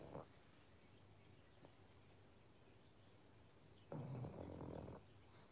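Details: Pug dog sleeping in a sweater after a fun day: a long, low, rattling snore on the in-breath after a quiet pause, with the tail of an earlier snore at the start.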